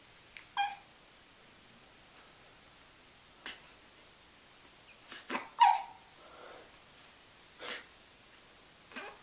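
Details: Pet hiccuping before bed: brief, sharp, spaced jerky gulps, about eight over nine seconds, in a quiet room; hiccups.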